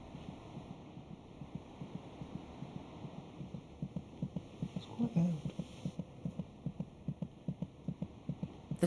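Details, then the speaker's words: Rapid, regular soft thumping near 150 a minute, about twice the mother's rate, a normal fetal heartbeat heard through the mother's abdomen. "by week 26 it may just be possible to hear the fetal heartbeat by putting your ear against the mother's abdomen"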